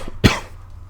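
A single sharp cough in a quiet room; a cough during a mild illness.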